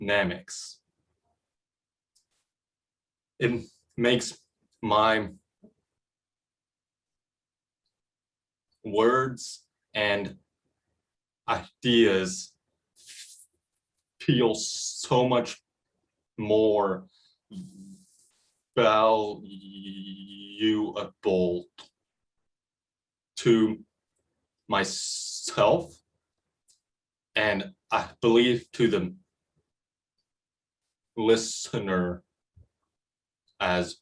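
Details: Middle-school boy who states that he stutters; stuttering.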